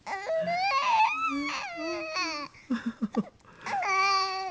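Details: Infant crying with hiccups: high, wavering wails broken by short sobbing catches, then another long wail; infant cry.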